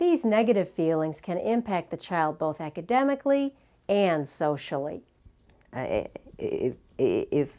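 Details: Adult female narrator; normal speech.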